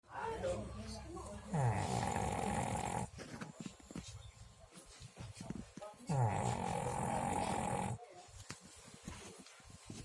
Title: Pug snoring